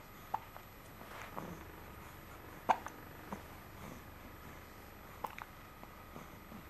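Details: Lily, who has uncontrollable hiccups every day: a few brief, sharp hiccup catches at irregular intervals in a quiet room; hiccups.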